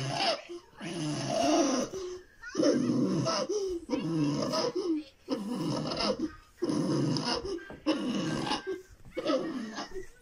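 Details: Child's tonic-clonic seizure ending with heaving: repeated loud, groaning breaths with short pauses, about eight in ten seconds; the seizure's end blurs into recovery; post-ictal heavy breathing.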